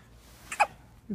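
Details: Two short, sharp catching hiccup sounds close together in a quiet room from a 2½-week-old baby girl with frequent hiccups.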